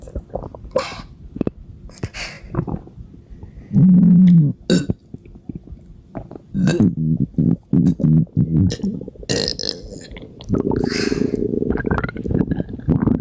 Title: Badly bloated non-stop burps for 6 minutes 💓💓💓